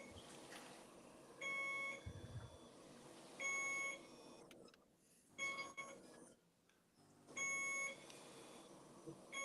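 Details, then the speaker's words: Steady high-pitched beeps about every two seconds, roughly 30 a minute, over quiet room noise; a heart monitor is mentioned during a casual live-stream conversation. "as we sit here and quietly listen to the heart monitor."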